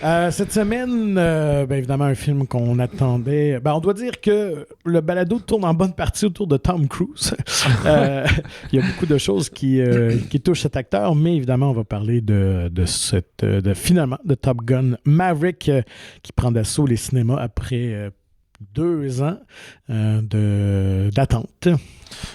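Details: Adult man speaking French; Normal voice.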